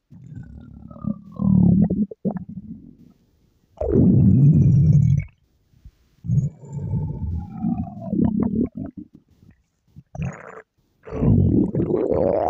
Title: Girl’s stomach growl